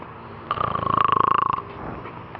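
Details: A single rattling, buzzy snore lasting about a second, with fast fluttering vibration through the breath; snoring.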